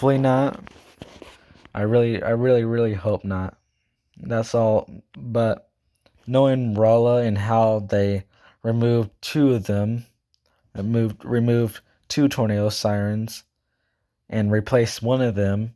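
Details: Male speaker who describes himself as stuttering, talking too fast and unable to speak properly; this stretch has many repeated words; stuttering.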